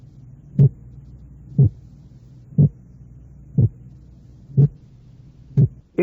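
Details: Simulated heart sounds, regular at about 60 a minute, each a brief low thump with two closely spaced components 0.04 s apart, a narrow split heart sound.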